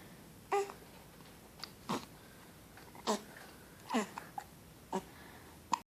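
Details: Hiccups: short, abrupt catching sounds about every second, six in six seconds, in a quiet room.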